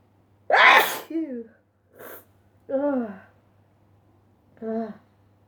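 A loud explosive sneeze, then short voiced gasps and sounds after it, in a quiet room.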